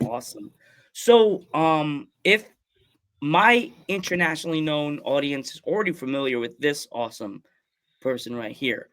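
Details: Adult male speaker; Ordinary speech.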